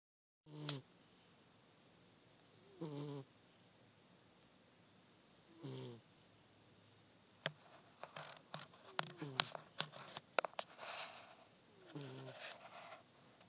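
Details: Sleeping cat snoring: soft, short nasal snores at irregular intervals, with rustling and clicking noises in the second half.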